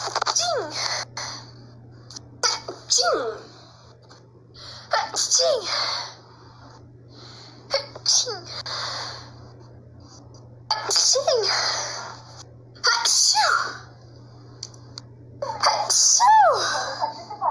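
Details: Repeated sneezes in quick succession, each with a sharp intake and explosive release, with gasps between; the person says they hadn't sneezed in a long time.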